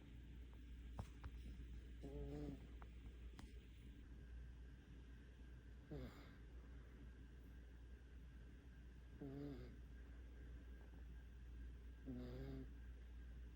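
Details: 5-month-old puppy snoring deeply asleep after a walk: soft, rhythmic snorting snores every few seconds over a low room hum.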